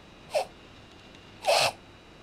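Two brief, harsh snorting inhalations through the nose, the second longer; reverse sneezing, a spasm of rapid noisy inward breaths.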